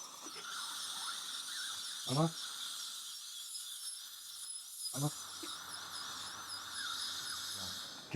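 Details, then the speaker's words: Dental drill: high-pitched whine with brief thumps, high-speed handpiece cutting teeth in full mouth rehabilitation for advanced fluorosis with discoloration; vital teeth, no root canals. "పల్లకొడు ground cutting అయిపోయింది ఆ lower కి line up start చేస్తున్నాం"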